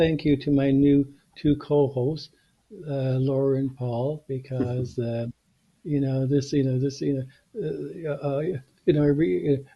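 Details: Stuttering in an adult man, a podcast co-host who stutters, with repeated words and phrases heard.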